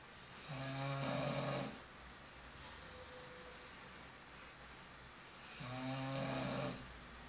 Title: Fifi snoring loudly